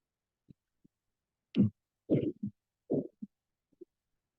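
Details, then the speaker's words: Aortic stenosis murmur: faint heart sounds with a harsh, rough whooshing filling the beat, the sound of blood flowing through a valve that does not open well. "so you can hear the sound there so this is like the sound that the blood makes when it flows through a valve that does not open very well and it makes this noise"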